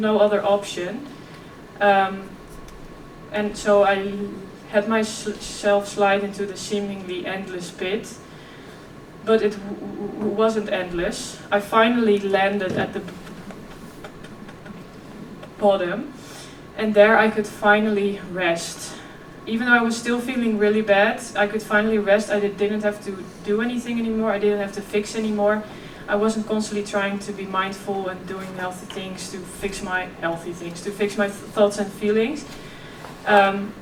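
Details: 26-year-old woman who has stuttered since early childhood: effortless as a child, covert stuttering at ages 11–15, now more struggled. She speaks at a keynote on stuttering and OCD. Stuttering.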